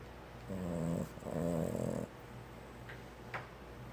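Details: Boston Terrier snoring: two rumbling, slightly growly snoring breaths in quick succession, then soft room noise.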